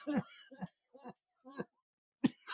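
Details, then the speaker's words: Adult man still recovering from tear gas exposure the previous night, unable to take a deep breath: a run of about five short, voiced coughs in quick succession; coughing fit. "And I do apologize, but I am having some coughing fits. But I think it's important that you can hear some of that to know how this experience contin"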